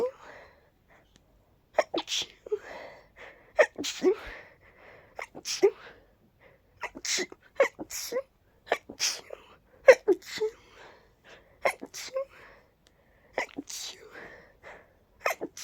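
A run of sharp, voiced sneeze bursts, each ending in an 'achoo', separated by quiet breaths: repeated sneezing.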